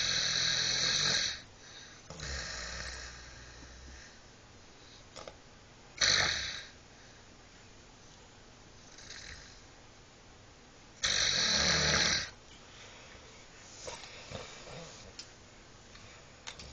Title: sleeping and snoring